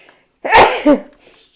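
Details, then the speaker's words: A single sudden, forceful sneeze from an adult woman, with her pet parakeets chirping in the background. "I'm going to sneeze, sorry."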